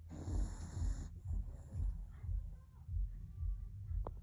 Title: Snoring Pomeranian (Butter) #asmr #shorts #shortvideos #short #dog #pomeranian